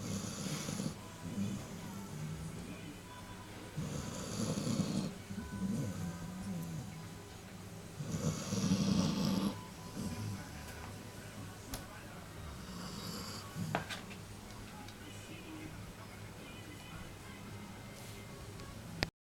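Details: A sleeping puppy snoring loudly enough to be heard from another room: repeated raspy, fluttering snores with each breath, about four breaths, with background music.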